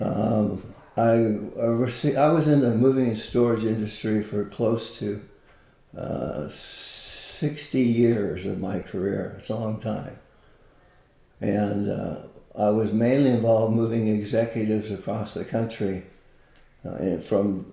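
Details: Man with Parkinson's disease for more than 20 years, with visible shakes and reported moments of 'a stupor of thought'; frequent word and phrase repetitions; Parkinson's disease speech (hypokinetic dysarthria).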